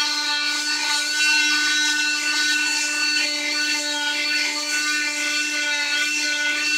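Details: Steady high-pitched whine of an oscillating cast saw with a gritty rasping edge as it cuts through a cast during removal; the patient is relieved and speaks of learning to walk again.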